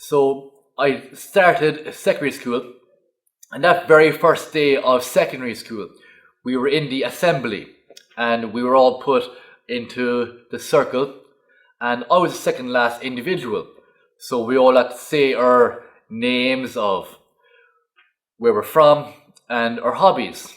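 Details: Adult man stuttering since early childhood, which he believes was triggered by a fall that knocked out his four front teeth; later completed a stuttering course; stuttering.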